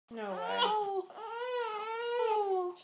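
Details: Crying in a baby girl being burped by her grandmother, thought to be going through a growth spurt: a single sustained, high, steady wailing cry in a quiet room.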